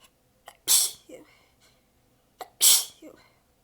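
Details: Two forceful, partly stifled sneezes in quick succession, each with a short intake before and a faint breath after, from an exhausted adult with sore abs biting them back; part of a massive sneezing fit.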